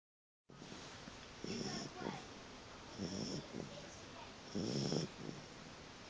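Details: Three short, rough snorting snores at quick, regular intervals, about 40 breaths a minute, over a steady background hiss, from a sleeping puppy.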